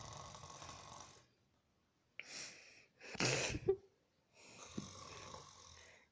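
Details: Father snoring in sleep: rough, rattling breathing sounds separated by quiet pauses, with one louder snort-like burst; snoring.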